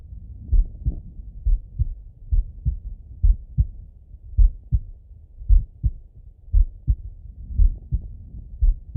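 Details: Heart auscultation with stethoscope of a relaxed person lying in bed; soft steady lub-dub at about 57 beats a minute, normal heart sounds.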